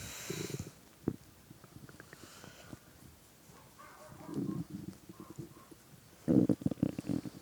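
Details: Adult man playing a game while hungry, listener lying on his belly: bursts of low gurgling rumbles with quiet gaps between; normal hunger stomach growling (borborygmi).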